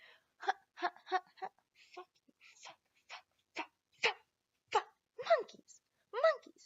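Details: Adult woman with Tourette syndrome producing a burst of vocal tics with coprolalia.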